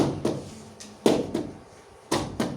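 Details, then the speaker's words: Normal heart sounds played as a teaching example of stethoscope listening: steady paired first and second heart sounds, the first fuller and the second shorter and drier, about 57 beats per minute. "suena un corazón normal cierto así suena un corazón normal esto se llama primer ruido segundo ruido hay dos ruidos"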